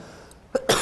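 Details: Two quick, abrupt bursts, a short cough from young adult male singer, possibly with throat clearing, during a live stream; viewers wonder if he is sick.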